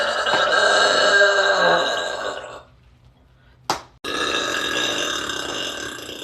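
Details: Long loud rumbling belch, pause, brief sharp sound, then second drawn-out belch; burping.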